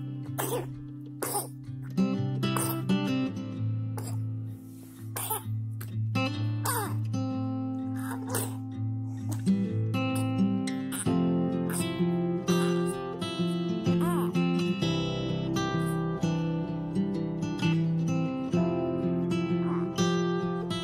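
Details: Newborn baby with a phlegmy cough: repeated short, wet, productive coughs over steady background music.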